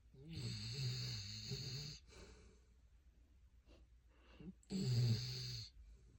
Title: Snores like human 😮😁 #labrador #silverlab #hoomans #funnyvideo #funnyshorts